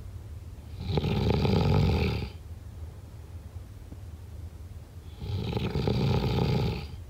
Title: SNORING SOUND EFFECT